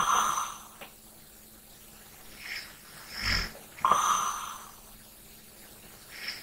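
Quiet breathing with soft snorting snores on some breaths: snoring during sleep.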